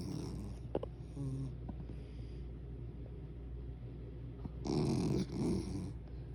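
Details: Sleeping dog snoozing: soft, irregular low rumbling snores with a louder snore burst near the end over a steady background hum; snoring.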